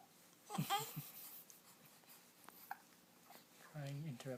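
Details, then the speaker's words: Baby girl crying with hiccups, which the mother links to gas: short bursts of angry crying broken up by brief hiccup sounds in a quiet room. "by hiccups poor baby can't even cry properly because you got the hiccups"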